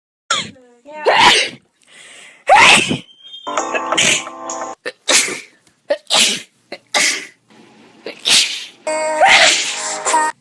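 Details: Compilation of one person's own sneezes recorded over two years, cut back to back: about a dozen sharp, explosive sneezes with some music between; repeated sneezing.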